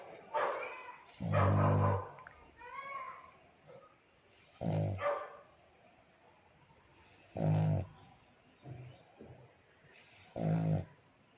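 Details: Black pug dog sleeping with his owner: slow, irregular snorts and rumbling breaths, about 20 a minute, from a flat-faced small dog; snoring.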